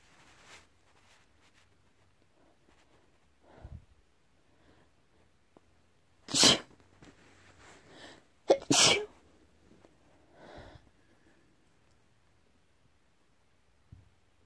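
Two loud, sharp, explosive sneezes a couple of seconds apart, with a few fainter snorts and sniffs between them in a quiet room.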